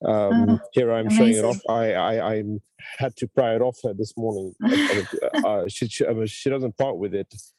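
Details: Adult man, a self-described person who stammers; stuttering.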